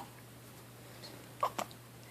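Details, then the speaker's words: Baby with hiccups: two quick, soft hiccups in a quiet room, an ordinary harmless hiccup spell. "you got the hiccups at your hair so messy got the hiccups"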